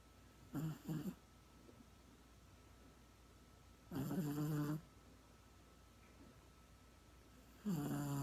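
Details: Chico, a sleeping dog, snoring: low, rumbling snores with quiet gaps, about 17 a minute, against faint room hum.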